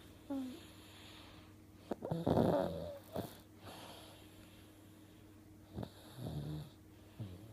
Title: Cutest snoring 3 yr old ever.